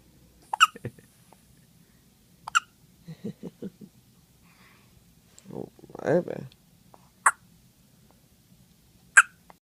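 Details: A 2-day-old newborn with hiccups: sharp, brief hiccup bursts a few seconds apart, with soft infant grunts and vocal sounds between them; newborn hiccups.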